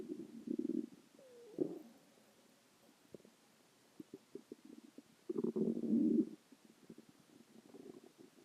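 Low gurgling rumbles come in bursts with irregular bubbling pops between them, typical stomach growling from gas and fluid moving through the gut.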